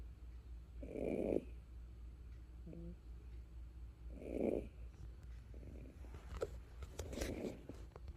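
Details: Sleeping kangaroo: three soft, rough snoring breaths at regular intervals, roughly 20 a minute, over quiet outdoor background noise; snoring.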